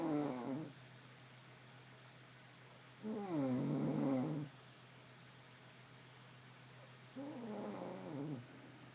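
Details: Recorded on an Android phone: three drawn-out, buzzing, pitch-sliding breath noises about every four seconds, separated by quiet pauses; snoring during sleep.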